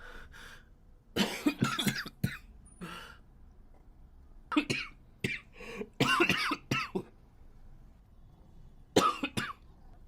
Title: japanese boy coughing 4